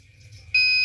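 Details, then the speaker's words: Arduino-based infusion alarm system student project: as the fluid reading drops to 100, the red LED lights and the buzzer sounds continuously, a faint hum then a sudden steady high-pitched electronic tone, signalling the infusion fluid is nearly empty. "Apakah ya alarm merah menyala dan buzzer menyala terus, bunyi terus?"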